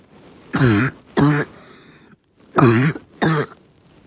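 Four harsh, honking cough bursts in two pairs with a raspy, voiced quality; a barking cough.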